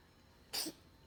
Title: my cat purrs and then sneezes